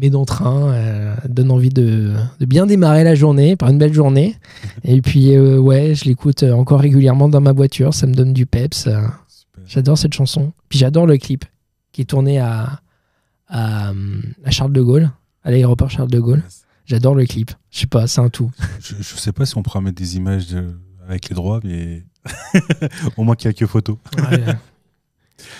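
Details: 31-year-old man with stuttering that he says is now mild after working on it a lot; stuttering (mild).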